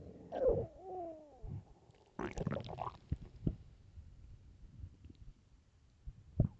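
Loud gurgling, squeaky and rumbling bowel sounds from an empty, hungry stomach, typical normal borborygmi.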